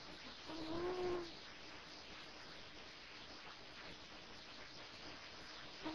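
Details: A pet cat asleep on a couch, described as getting quite noisy, snores until woken. Snoring.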